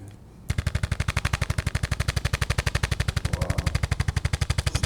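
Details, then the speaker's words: Handheld percussion adjusting instrument (ArthroStim) applied under the scapula to break up fibrous adhesions from unstable thoracic joints: fast steady mechanical tapping, about 240 pulses a minute. "get in there use that percussion underneath that scapula and really start to break up some of those adhesions because the body's been adapting"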